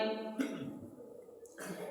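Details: Preacher delivering a Bengali sermon in a reverberant room: a voiced sound cuts off into a sharp cough-like burst, then rough throat clearing; cough and throat clearing.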